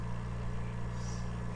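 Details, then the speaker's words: Steady low motor hum of an oxygen concentrator running to supply an incubator, flow set at 3 liters; normal device operation. "so to turn on your oxygen concentrator you're just gonna press the on and off button"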